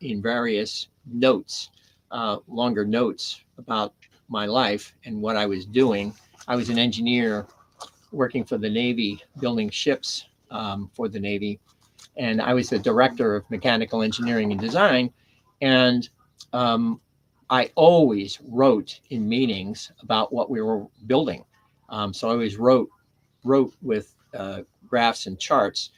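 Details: Adult man with mild residual aphasia after a stroke on September 26, 2011 (three strokes in all), about ten years post-onset; he initially could not read, write or speak well, had seven months of speech therapy and an aphasia group, and his speech has since greatly improved; aphasia (mild, residual).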